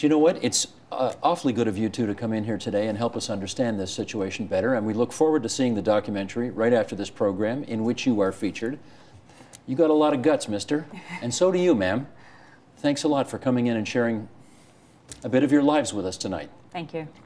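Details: Adult male speaker; Typical speech.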